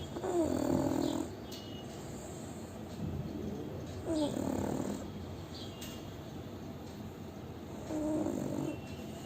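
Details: Sleeping pug snoring: rhythmic snorting snores, about 15 a minute, each a rough noisy breath with a soft whistle, over steady room noise.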